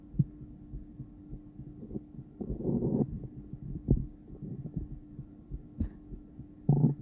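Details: Soft, low whooshing thumps of a heartbeat picked up by Doppler ultrasound over a steady machine hum, described as a female heart in ultrasonic view.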